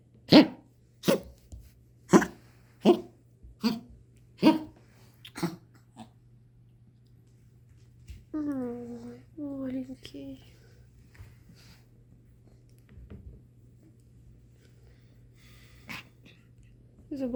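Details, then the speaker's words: Seven sharp, evenly spaced hacking coughs from a sick puppy just after waking, when the cough starts; first time this strong, previously only sniffling; owner suspects a draught or infection from other dogs; dog cough. "он сейчас так страшно кашлял только проснулся и когда просыпается начинает вот начинается кашель"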